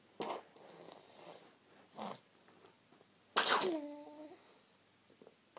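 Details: Soft sniffs, then one sharp sneeze in a quiet room, as Maya wiggles, yawns and sniffs: sneezing.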